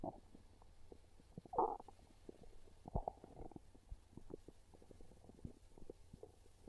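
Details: Quiet irregular gurgles and low rumbles with one louder growl: real hunger-related stomach growling (borborygmi) from a person craving pizza, a normal bowel sound.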